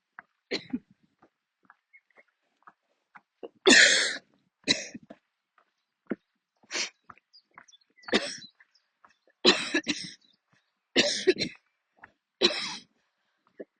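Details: Coughing attack from the lungs while walking outdoors, near the end of a walk; the person kept walking although attacks usually force them to stop. About a dozen harsh coughs in clusters over fourteen seconds, with throat-clearing and breaths between.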